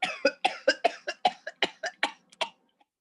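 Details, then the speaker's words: Whooping cough (Bordetella pertussis) paroxysm: a rapid run of about a dozen coughs without a breath between them, convulsive coughing fit that keeps going. "Ya, el Bordetella pertussis, también llamado bacilo de Bordetex, que genera la tos ferina, o también llamada el coqueluche, que es una tos convulsiva, que está"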